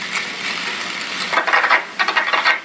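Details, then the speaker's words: Microelectrode recording in an awake patient during deep brain stimulation surgery: a hiss, then bursts of rapid crackling pops as the skin is stroked with a paintbrush. This is a tactile cell in the thalamic VC nucleus firing; a kinesthetic wrist cell is also mentioned. "in the surgical setting you listen to a spot and you can hear the cell firing and I move the wrist it's a kinesthetic wrist self"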